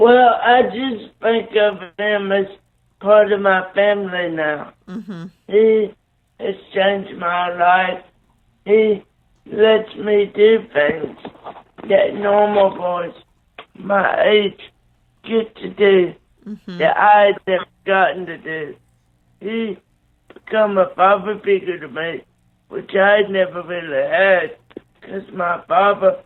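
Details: Dysarthria from cerebral palsy in a 27-year-old man born three months premature after a car crash, with a neonatal brain bleed and stroke, right-sided paralysis, blindness and seizures.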